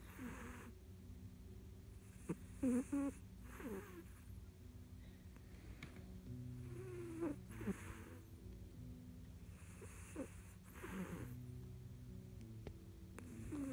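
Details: Quiet snoring: soft, rough snorting breaths repeating under steady background music and a low hum.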